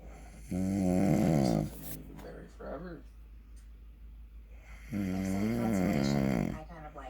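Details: Adult man (father) snoring: two long, loud, rattling snores on inhaled breaths, separated by quieter breathing.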